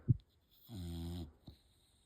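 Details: Sleeping rescue bulldog snoring: a single low, buzzing snore on a breath in, with a soft snort before and after.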